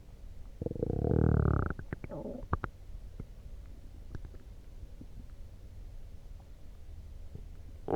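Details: Loud stomach growling after drinking coffee: a drawn-out gurgling growl, then scattered short pops and squelches; borborygmi.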